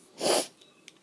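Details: Adult woman from Australia, possibly self-induced: a single brief, forceful sneeze burst, then quiet.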